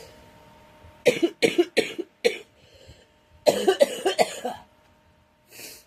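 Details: A girl struggling with a cold gives two bursts of harsh coughing, four coughs then four more, separated by a quiet pause; a repeated cough.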